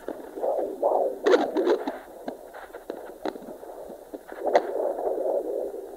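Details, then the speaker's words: Fetal Doppler at 24 weeks pregnancy, probe moved away from fetal heart (about 150 bpm): soft pulsing whooshes with probe scraping, maternal uteroplacental flow at about 77 beats per minute. "Then we need to move around to find the maternal pulse. So there's the maternal flow. And it's coming up there about 77 beats per minute."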